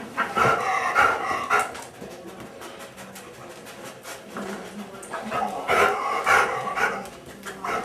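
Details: Dog panting with exercise or excitement, with harsh, raspy noise on each breath in: inspiratory stridor from laryngeal paralysis.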